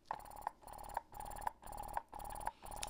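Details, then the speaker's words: Medela Pump in Style electric breast pump in let-down mode, which starts automatically at power-on and lasts two minutes before switching to expression: rapid regular mechanical cycling with whirring motor hum, about two cycles a second. "so this is pumping style you press the power button and it starts automatically in let down"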